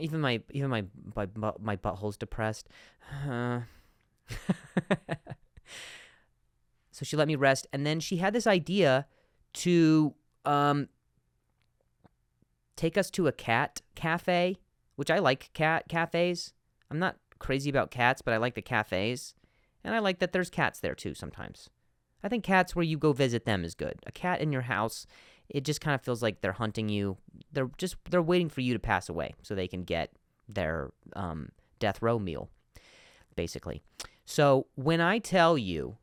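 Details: Stuttering in an adult man who stutters, hosting his own podcast.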